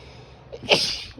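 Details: Adult female with grass allergy, allergies bad that day: a brief in-breath, then one loud, hissing, voiced sneeze; allergic sneezing.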